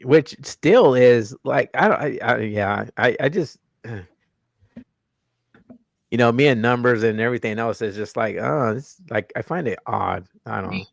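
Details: Adult male host with self-reported stuttering, more marked in his earlier videos and worse with unfamiliar people or new situations; audible word repetitions; stuttering.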